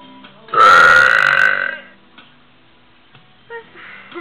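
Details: One loud, drawn-out burp lasting over a second, recorded alongside a new puppy, with faint music and room noise behind it.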